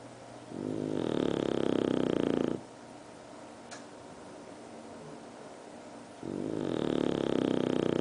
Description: bulldog snoring